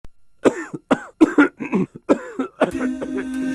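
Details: In a cough-drop TV commercial, an adult gives a run of about six short, voiced, acted coughs, followed by music at the end: a simulated cough.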